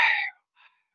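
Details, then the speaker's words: Vocal imitation of a tubular (bronchial) breath sound: a harsh, high, blowing rush of air followed by a fainter second breath, continuous without pauses across inspiration and expiration. "Entonces, el soplo más conocido es el soplo tubario, ese que vamos a escuchar más en la práctica médica. Y este soplo tubario, su onomatopeya es AEO,"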